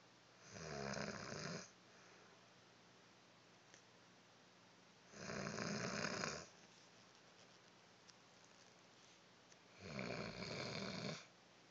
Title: Snoring.Zzzzzz!